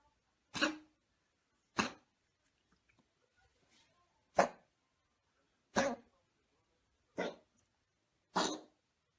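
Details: Dog with heart disease treated with medication three times daily for about four years: six short, harsh honking coughs about a second apart in a quiet room, a cardiac cough, not a cold.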